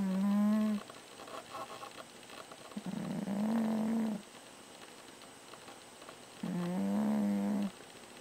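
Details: An overweight sleeping cat snoring: loud, drawn-out buzzing snores, each about a second long, separated by quiet pauses.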